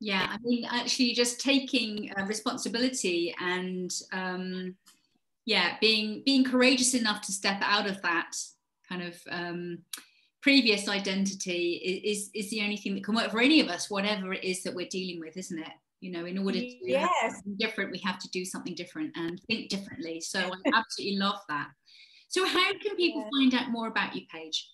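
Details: Adult woman; Fluent speech.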